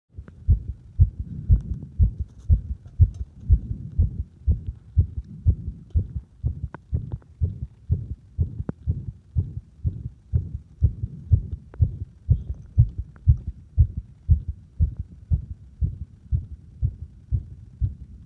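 Regular, dull lub-dub heartbeats at about 60 a minute, heard at the apex with firm stethoscope pressure; normal heart sounds.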